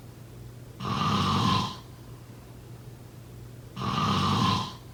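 Two long, rough, low rattling snores on breathing in, about three seconds apart, with quiet pauses between them. This is ordinary snoring.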